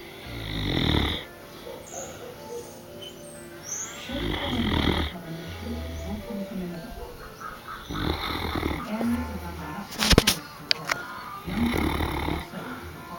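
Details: Female Newfoundland dog sleeping soundly, with repeated low, rough snores, about five over thirteen seconds, and faint sounds and background noise between them; snoring.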